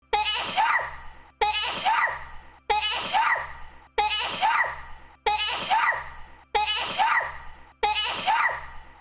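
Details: VTuber's loud, high-pitched sneeze from a stream, with a sharp intake and burst, repeated identically seven times as an edited loop.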